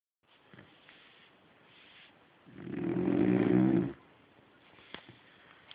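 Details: Sleeping Labrador dog: one loud, rumbling snore lasting about a second and a half between quiet breaths; snoring.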